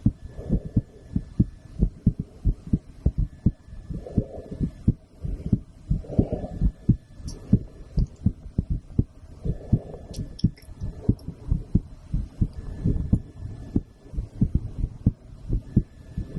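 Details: Woman's heartbeat recorded through a stethoscope after a blood draw: steady, regular lub-dub about 75 beats a minute, low hum and faint rustle; normal heart sounds.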